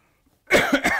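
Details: Cough.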